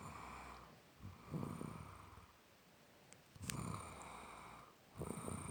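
Two or three low rough rumbling breaths against steady room hum, fitting snoring.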